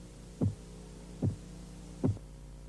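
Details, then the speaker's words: Korotkoff phase 3 during blood pressure measurement: the murmur of phase 2 disappears and the tapping becomes louder and higher-pitched. Three crisp, loud arterial taps at about 75 a minute over a steady low hum, with no murmur between. "Durante la fase Korotkov 3, el murmullo desaparece y el sonido de los golpeteos se hace más fuerte y de un tono más alto."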